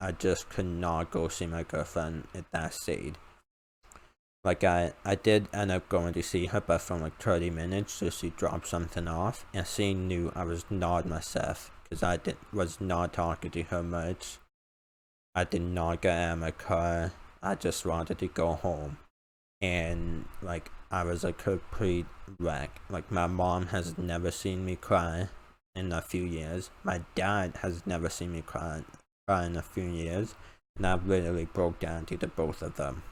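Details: Male with a self-reported uncontrollable speech impediment, improved after about 10 years of speech therapy; formerly used an iPad talking device, not used for almost three years; speech impediment.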